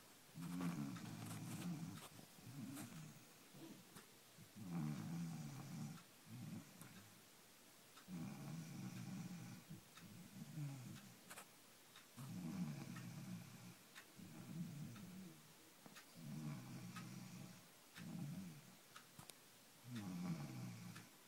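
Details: Snoring: deep, rumbling, irregular snores at about 15 per minute from a large, fat cow.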